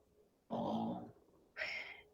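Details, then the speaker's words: A sleeping dog's loud, rough snoring: a rattling inward snore followed by a hissing, snorting outward breath, over quiet room noise. "i'm sorry guys my dog is really snoring you probably hear that big snore that's my dog"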